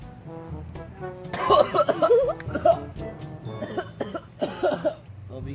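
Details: Irritant cough after taking a shot of 1-million-Scoville hot pepper sauce: an adult's harsh, strained coughing bursts with voiced sputtering, music behind.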